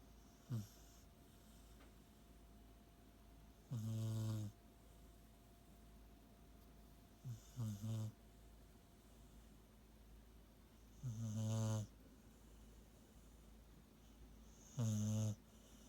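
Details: Sleeping male beagle dog recorded on a cellphone: low, rumbling snores every three to four seconds, about four breaths in fifteen seconds, over quiet room hum; ordinary snoring.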